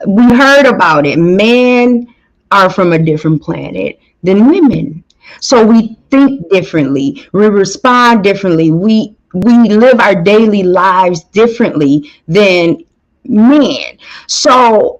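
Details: Adult woman speaking; Normal speech.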